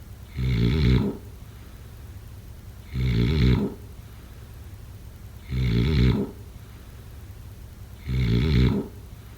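Four loud, rough, low-pitched snores recur at a steady rhythm of about 23 per minute, with quiet breathing between them: regular snoring.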